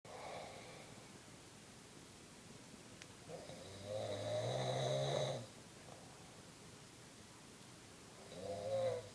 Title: Snoring Dad